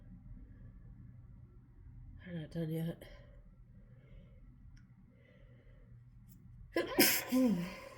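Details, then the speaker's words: Adult in a severe sneezing fit, sneezy all morning, possibly from something in the air during rainy weather, sneezing into her hand: two sneezes, each a gasping intake then forceful burst, quiet room noise between; sneezing. "I'm like sneezing into my hand, and I don't know if you can see the spray on it, but oh my gosh, you guys."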